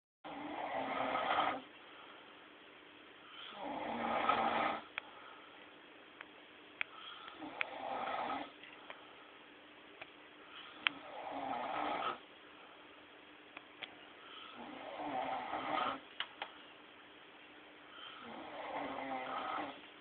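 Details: Rough rattling inspiratory snores, about five over twenty seconds, with quiet expiration between, from a drunk adult man asleep in a small room; snoring.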